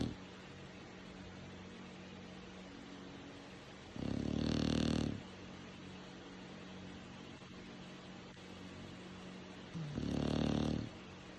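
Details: Dog snoring during sleep: two loud, rough snoring breaths about six seconds apart, with a quiet hum between them.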